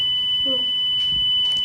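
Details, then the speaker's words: Training defibrillator during a school first-aid demonstration gives spoken prompts, then a steady, high-pitched electronic tone as the shock is delivered, followed by a prompt to resume CPR: AED shock delivery tone. "Výboj by dodán. Začni resusitovlač více."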